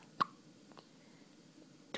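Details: First hiccups: a single short, sharp hiccup in a quiet room, with a second one starting at the end.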